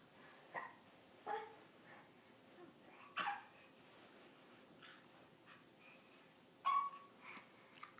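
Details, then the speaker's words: Hiccups in a 9-month-old baby girl: quiet, abrupt little catches at uneven intervals, about four in eight seconds, over steady room hiss. "Hey! Oh, you have hiccups."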